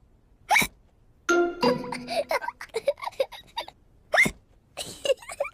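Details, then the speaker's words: Cartoon (Peppa Pig) character George with hiccups after drinking his juice too quickly: sharp, squeaky hiccup sounds broken up by giggling and music. "George drank his juice too quickly, and now he has hiccups."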